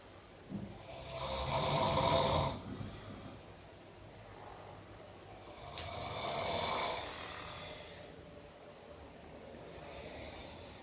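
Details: Sleeper in a dormitory: loud, harsh, rattling snores on each in-breath, about 13 a minute, with quieter out-breaths between; heavy snoring.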